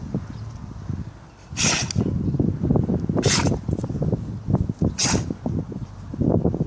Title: Funny Tibetan mastiff sneezing / Тибетский мастиф забавно чихает